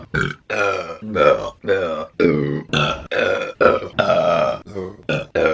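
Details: A woman burping while eating during a mukbang: a rapid run of about ten loud, short, deep voiced belches in close succession with brief gaps; repeated burping.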